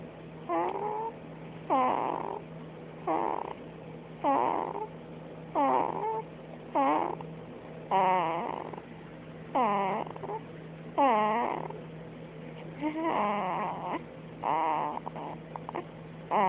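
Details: 2-week-old baby asleep, snoring: short, high, squeaky snorting snores with each breath, roughly 47 a minute, over steady room hum; noisy nasal breathing.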